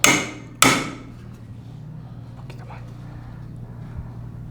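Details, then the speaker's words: Two sharp metallic mallet strikes, then quiet room noise, impacting a size 50 trial acetabular cup to check fit and orientation during uncemented hip replacement surgery. "¿Cómo sabemos si ya es lo suficientemente fresado para que ya colocar el componente? Poniendo un acetábulo de prueba, donde se fija, vemos la orientación y lo impactamos."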